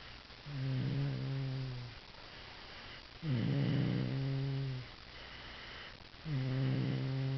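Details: Sleeping dog snoring: three loud, buzzing snores about every three seconds, about 20 breaths a minute; snoring.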